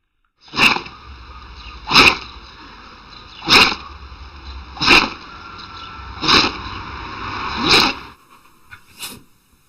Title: Funny sneezing dogs - Animal compilation